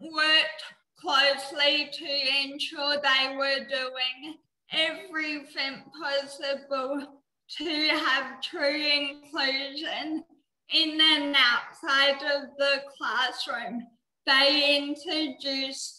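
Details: Dysarthria in a 19-year-old woman with cerebral palsy, which she says affects her mouth muscles; she could not walk or talk until age eight.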